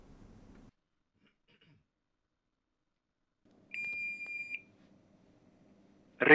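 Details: Philips HeartStart FRx AED: a single steady electronic beep confirming the electrode connector is attached, after the self-test, with faint room noise.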